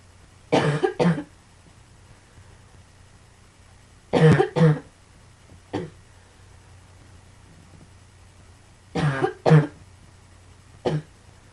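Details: Cough: three bouts of coughing, mostly paired coughs with a single trailing cough, in a quiet room with a low steady hum.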